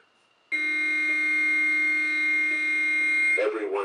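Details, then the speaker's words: AED training device (no shock delivered) on an adult in a CPR course demonstration: after 'shock advised, charging', a steady high electronic tone for about three seconds while charging. "analyzing Rhythm everyone stand clear shock advised charging clear everyone stand"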